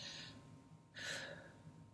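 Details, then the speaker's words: Nursing respiratory assessment demo with a stethoscope placed on the chest during lung auscultation: a single deep breath in and out, heard as soft airflow. "so basically if i was going to do a stethoscope to listen to lungs which i can't hear my own but i would be placing the stethoscope big breath in and out move the stethoscope deep breath"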